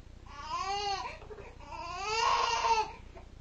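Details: Two drawn-out wailing cries from a baby in a small room, ordinary infant crying, while a cat appears to soothe the crying baby; infant crying.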